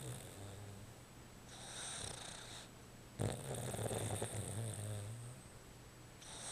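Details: Pet named Tux snoring while asleep, usually louder than this, with puffing cheeks: low, fluttering snores on each breath and a soft whistle on the out-breath.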